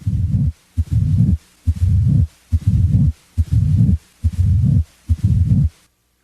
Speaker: a late diastolic murmur as heard with mitral stenosis starts late in diastole and typically continues up to s-1